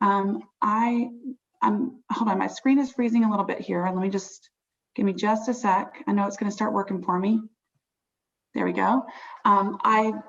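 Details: Adult woman speaking; ordinary speech.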